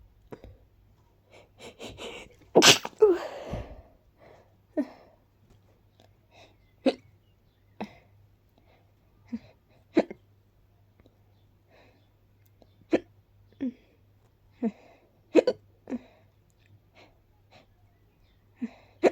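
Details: A loud sneeze attributed to pollen allergy, followed by a run of short, sharp hiccups about one to two seconds apart in a quiet room: sneezing with hiccups.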